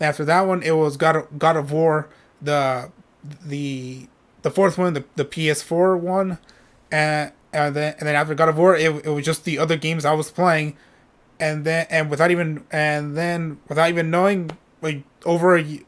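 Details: Adult male streamer with a self-reported stutter; he says it takes him a while to say what he is thinking and he often repeats himself; word and part-word repetitions heard; stuttering.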